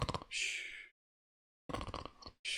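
An adult imitates snoring: rattling, fluttering noise on the breath in, then a breathy hiss out, repeated twice with a pause between.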